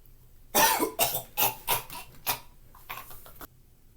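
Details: Staged, acted fit of about five forceful harsh coughs then a few softer trailing ones in a quiet room: cough.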